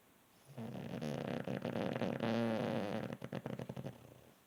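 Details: Sleeping pug snoring like a man: a single long, fluttering, rattly snore of about three seconds ending in quick snorting pulses; snoring.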